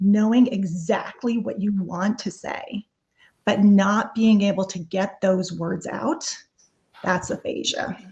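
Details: Adult woman speaking; no disorder.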